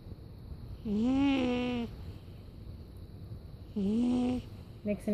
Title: Nixon the cat snoring